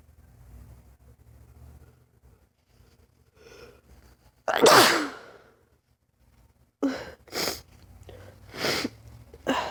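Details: Lifelong, unexplained sneezing fits lasting 3-5 minutes, not allergic and without itching: one loud sneeze, then a quick run of three or four sharp sneezes with brief breaths between, a sneezing fit.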